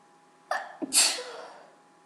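A single wet sneeze: a quick in-breath, then an explosive burst with a spraying, moist quality.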